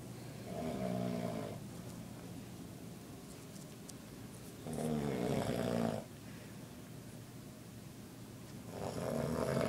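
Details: Elderly man (grandpa) snoring during sleep at 2 am: loud rattling snores with each inspiration, about fifteen per minute.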